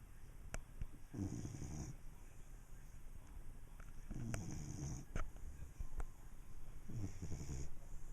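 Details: Dog named Diesel asleep: three slow, rumbling, regular snores, about one every three seconds: snoring.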